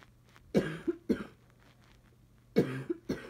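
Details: Adult coughing with two short bursts of dry, hacking coughs, about four in all; has had bad allergies with sneezing and is now coughing, and suspects allergies.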